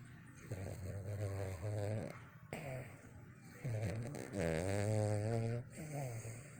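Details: Sleeping dog snoring very loudly with rough, rumbling, groaning breaths in a quiet room, eyes twitching, briefly waking to a TV alarm then falling straight back asleep.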